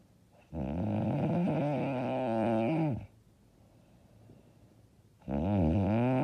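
Loud, long, rattling snores on each breath in, with quiet breathing out between them. Heavy snoring.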